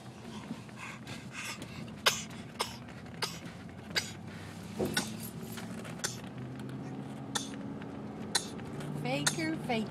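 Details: A young girl's voluntary fake coughing: short, deliberate pretend coughs among kitchen clatter and a brief vocal squeal.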